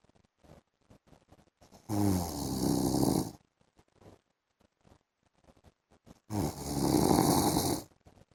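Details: A husband snoring while asleep in the afternoon: two long, loud, rattling snores a few seconds apart, with quiet breathing and small noises between them.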